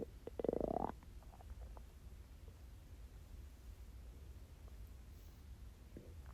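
One brief gurgling growl near the start, then quiet low room rumble; hunger stomach growling on an empty stomach.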